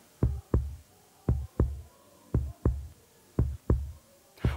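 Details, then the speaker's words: Presenter's own heart at rest, heard through a stethoscope: paired low lub-dub thumps, slow and regular at about 57 beats a minute. Normal heart sounds. "Mit diesem Gerät hier kann man nämlich den Herzschlag hören. Ja. Klingt ganz gut."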